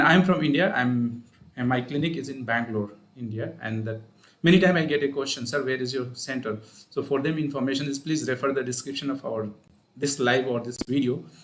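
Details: Adult man speaking; Normal adult male speech.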